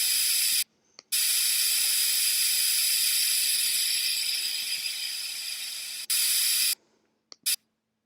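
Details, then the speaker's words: Dental air syringe giving steady loud hissing bursts with short pauses, drying a child's teeth after a water rinse, with a lip guard in place, before bonding orthodontic brace brackets. "let's spray some air to get the teeth nice and dry can you handle that for me yep"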